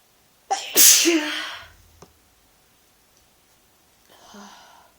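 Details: Adult with a mild cold and sore throat, sneezes induced: a single forceful sneeze with a sharp inhaled catch, then a quiet click and a soft breathy exhale.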